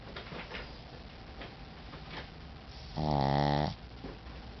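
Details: Tired Shih Tzu dog snoring: one loud, low, buzzing snore lasting under a second, with soft breathing noise around it.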